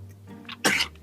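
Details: Dog feeling under the weather, possibly with kennel cough: a single short, harsh cough burst over a low steady hum.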